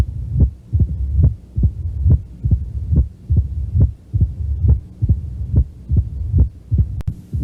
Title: HEART SOUNDS MITRAL STENOSIS